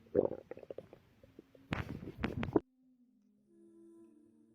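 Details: Abdominal sounds from a pregnant woman, recorded while relaxing before contractions began: gurgling, bubbling rumbles and squeaks ending in a drawn-out low groan; ordinary stomach growling, bowel sounds.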